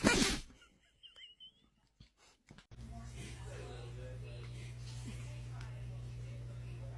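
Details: Dog sneezing: one sharp, explosive sneeze burst with a few small snuffles after it, then steady background hum and room noise.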